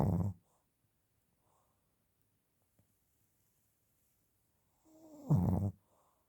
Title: Grandpa's snoring